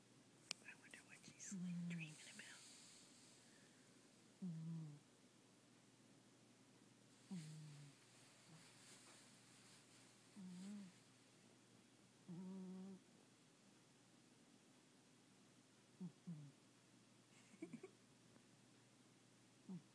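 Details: Cat snoring while asleep: soft, short nasal snores roughly every 3 seconds, about 20 a minute, over faint room noise.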